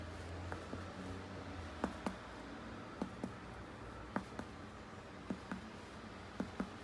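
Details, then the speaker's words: Abdominal physical exam by medical students on a patient, percussion over the liver area: six pairs of short, flat finger-percussion taps with no ringing in a quiet room; normal hepatic dullness. "Entonces comenzaremos la percusión en la zona hepática, esperaremos a encontrar matidez."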